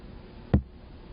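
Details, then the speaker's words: Single soft low thump: first Korotkoff sound over the brachial artery during cuff deflation with a manometer, marking the systolic blood pressure reading; nursing training demonstration. "watch the manometer and note the reading when you hear the first karodka sound it will sound like this"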